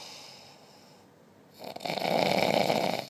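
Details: A quiet pause, then a single loud, harsh, vibrating inhaled snore during sleep; very loud snoring.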